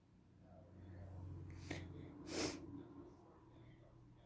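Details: Soft breath in, then one short explosive sneeze, followed by stillness in a quiet room.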